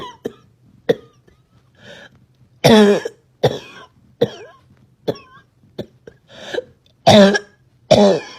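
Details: Repeated harsh barking coughs in short bursts with gagging sounds between, from a girl with a persistent barking cough she couldn't stop; choking described.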